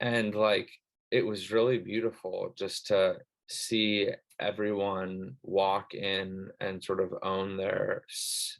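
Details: Adult who stutters; stuttering.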